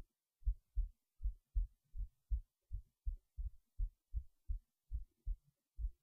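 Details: Steady low thumps in paired beats, about 78 a minute, in a quiet room, recorded late at night while resting in bed before sleep; normal resting heartbeat.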